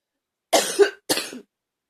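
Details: Two forceful, harsh coughs in quick succession from someone coughing hard.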